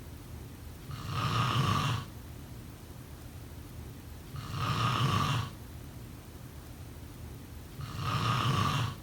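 Rough, low snoring on each in-breath, about 17 a minute, with quiet gaps between and faint room noise.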